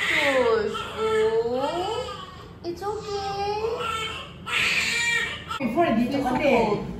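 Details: Newborn boy's cry filmed in a birth vlog: repeated loud crying bursts with clear voiced wails, soft adult voice in the background; an ordinary newborn cry.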